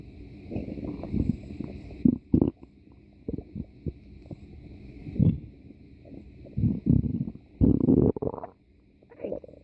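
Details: Irregular low gurgles and rumbles in bursts over several seconds; stomach growling from gas and fluid moving through the bowel.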